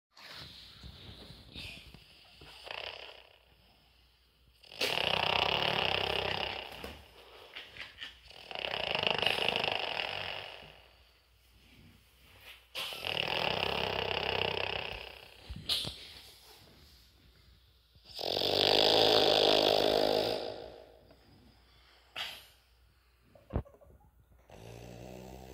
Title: Our dog is snoring loudly to a microphone